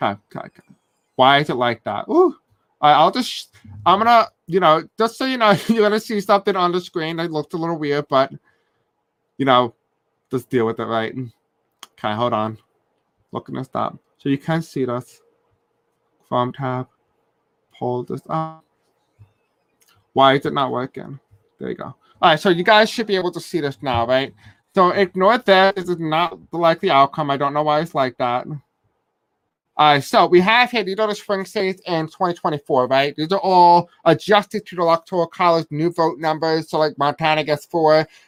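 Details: Adult male who says he has a deaf accent and may have a hard time pronouncing certain words; deaf speech.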